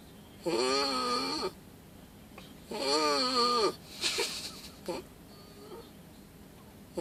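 Two long, loud, tonal rumbling breaths about two seconds apart, followed by shorter snorts: snoring.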